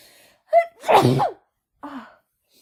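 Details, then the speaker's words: Woman with her first head cold of the year, after using chhinkni for relief, has strong cold sneezes: a quick indrawn breath, one forceful burst sneeze, then a short voiced sigh. "Oh, they're so strong. Oh. Oh. I got another one, I think."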